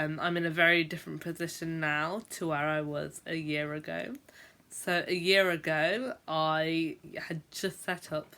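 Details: Adult female teacher who stammers (stutters) and says she blocks for a long time when speaking; stammering (stuttering).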